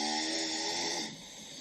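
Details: Adult man snoring in a hostel dorm at night: a loud, harsh, rattling snore on an in-breath that fades off; ordinary heavy snoring.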